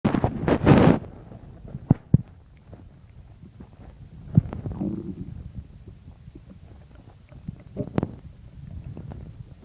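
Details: Stomach growling recorded just after waking in the morning: after initial handling noise, low irregular rumbles and gurgles with scattered clicks; borborygmi.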